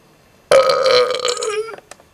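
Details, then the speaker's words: Belching 14 minutes after drinking a whole bottle of Coca-Cola, with burps now coming repeatedly: a single long, loud voiced belch lasting over a second, ending with a faint click. "it has now been 14 minutes since I've drank a whole bottle of Coke without burping and now it's just coming"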